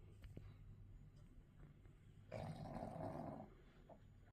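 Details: Sleeping dog, tagged as bulldog, snoring: a loud, rough, fluttering snore about a second long over quieter low breathing noise.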